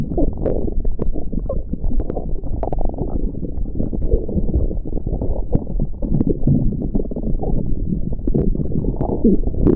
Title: byron listen stomach growling